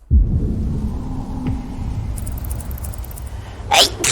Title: Random Sneezes